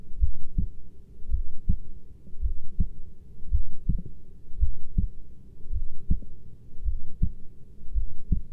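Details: Heartbeat from a 20-minute recording: steady low thumping at about 55 beats a minute, with a faint background hum.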